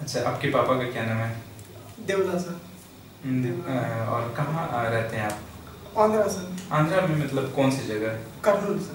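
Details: Two adult male speakers in a question-and-answer exchange; ordinary speech.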